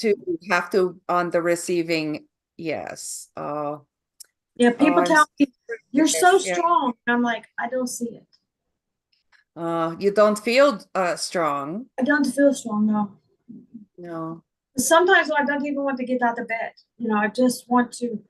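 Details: Adult woman with foreign accent syndrome that began on waking from a migraine in 2021, diagnosed by a speech therapist; she also reports slurred speech and functional neurological disorder.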